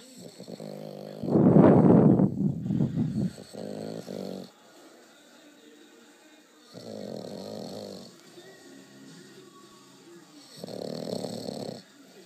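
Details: Bulldog puppy snoring: loud, rumbling snores with each breath while asleep, heavy for such a young dog.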